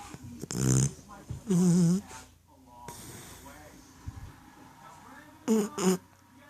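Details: 8-week-old puppy snoring: loud snorting snores in short bursts, a few faint voices in the room.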